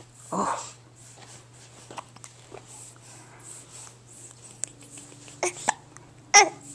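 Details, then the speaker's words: A baby boy has hiccups while in a swing, with an adult talking to him; hiccups. "oh those hiccups their pesky aren't they do pesky"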